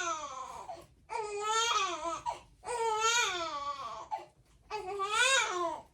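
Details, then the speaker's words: Colicky 4-week-5-day-old baby girl crying at night after feeding and a diaper change: three sustained, rising-and-falling wails with short gasps between, in a quiet room. "I just changed her diaper. I thought she's done and she's gonna sleep, but no."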